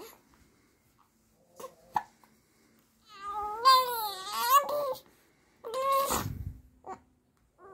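Small catching hiccup sounds, then two short, strained cries with a rising and falling pitch; an infant crying between hiccups.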